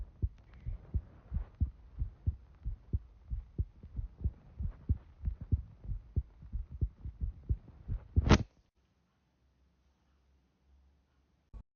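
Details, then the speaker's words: Heartbeat recorded by a person with self-reported sinus arrhythmia using a phone held to the chest, to check whether the sinus arrhythmia can be heard. "Today I found out that you can hear your heartbeat if you put your phone up to your chest, and I have a sinus arrhythmia, so we're gonna see if we can hear it."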